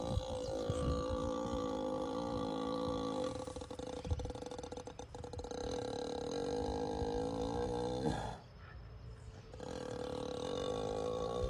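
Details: A sleeping ox snoring: a deep, steady, droning rumble held for several seconds, with a brief pause near the end.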